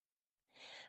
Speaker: I am wheezing a little bit so I've been having an asthma attack all day and yelling into a microphone isn't hearing it so if my voice goes up and down or cracks or you actually hear whistling when I'm breathing in that's what's happening